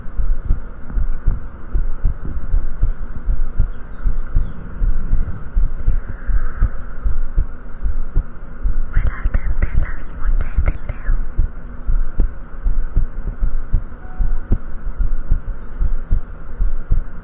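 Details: Normal heartbeat recorded on the left side of the chest during a livestream: steady low thumps at about 78 a minute, a brief faint voice and background hum.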